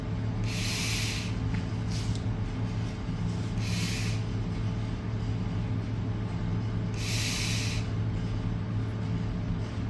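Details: Three brief hissing inhaler spray puffs over a steady low engine-like rumble; inhaler actuation in someone with a nose cough.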